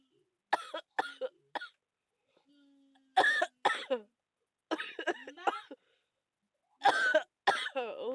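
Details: Person who says they still have a bad cough and cold again and feel very ill: repeated short, harsh cough bursts in clusters, about ten coughs, from a cough with a cold.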